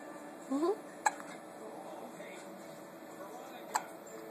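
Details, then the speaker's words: Two brief sharp hiccups about three seconds apart after a soft vocal sound from a newborn baby boy, in a quiet room; newborn hiccups. "Oh, his buddy got the hiccups. Look at that chubby face."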